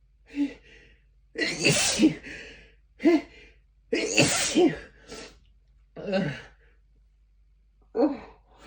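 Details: Several forceful sneezes, each a sharp in-breath then an explosive burst, some after brief held-back attempts by pinching the nose; the built-up pressure and tickle made them very hard.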